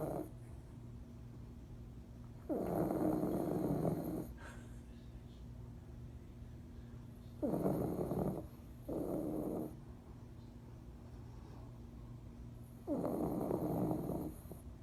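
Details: Dog snoring: repeated soft, rough snoring breaths, one split into two short pulls, over a steady low room hum.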